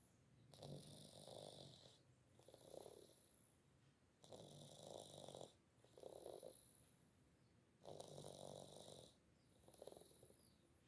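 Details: Cat snoring while sleeping deeply after eating, around 9 a.m.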